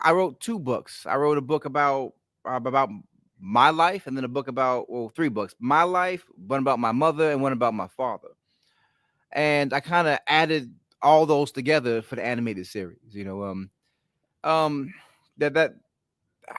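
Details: An adult man with a stutter present since childhood, when it was ten times worse, and worse when he is excited or relaxed; here he is visibly concentrating; stuttering.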